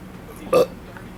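A single short, loud burp rising out of quiet room noise.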